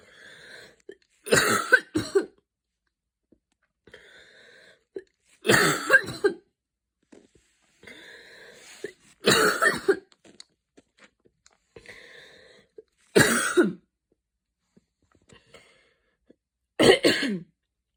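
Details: Coughing fit after an evening run in cold air, with wheezing escalating into a coughing fit during a mild asthma attack: five harsh bursts, each a quick double cough, with faint breathing between.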